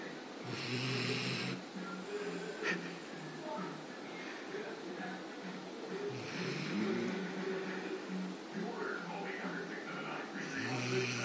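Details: Person asleep snoring: rough, fluttering snores, partly masked by steady background noise and faint television or music.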